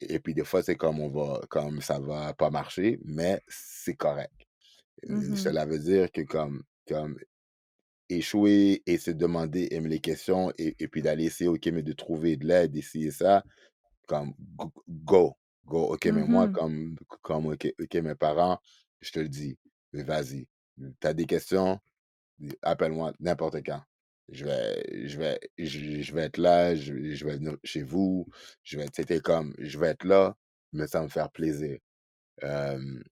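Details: Adult man who stutters, speaking French in a podcast interview; he is real, not acting, and is a spokesperson for a Quebec youth stuttering association. Finding: stuttering.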